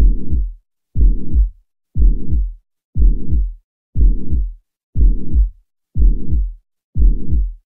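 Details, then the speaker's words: Mitral regurgitation: regular heartbeat about 60 per minute, each beat followed by a long, hollow, blowing systolic murmur, loudest at the mitral area. "its loudest where the mitral area you kind of hear this hollow systolic murmur"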